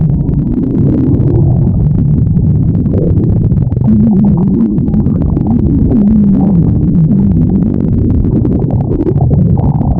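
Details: Loud, continuous low gurgling and rumbling with shifting pitched groans: stomach growling.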